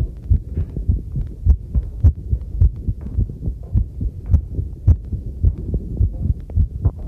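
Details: Own heartbeat recorded with a homemade chest stethoscope microphone while doing housework: steady low thumps about 105 per minute with faint clinking dishes and running water behind; normal heartbeat.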